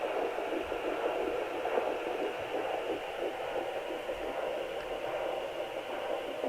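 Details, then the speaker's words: Faint, fast rhythmic whooshing pulses under steady hiss from a home fetal Doppler at about 9 weeks of pregnancy (third pregnancy), probe pressed low and angled toward the pubic bone; early fetal heartbeat, too faint for an accurate rate reading. "It's very faint. But that fast, that's baby's heartbeat."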